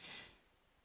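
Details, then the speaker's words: Schnauzer dog snoring asleep in the background: one brief, faint airy snort in a quiet room, then silence. "so if you can hear any noise it's my schnauzer snoring in the background there"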